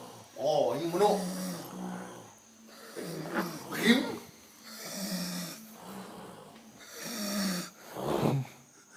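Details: More than one sleeper snoring at once: loud, rough, overlapping snores every three to four seconds with a steady low hum beneath; snoring.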